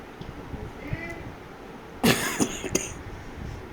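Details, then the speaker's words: Adult woman whose voice is affected by a recurring cough, taking cough syrup; her doctor said it will go slowly. A short run of about three harsh bursts: repeated cough. "देखिए मेरी आवाज़ और खांसी आ रही है बार बार। Cherry cough P रही हूँ पर धीरे कह रहा है डॉक्टर के, धीरे धीरे जाएगी।"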